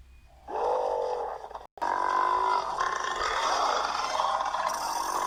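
A long, loud, rumbling belch with a brief break partway through, then continuing as a drawn-out burp.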